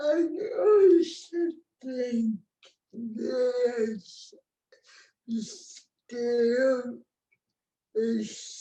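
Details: Real speech from an adult woman with cerebral palsy, a condition present since she was born before the ADA; dysarthria.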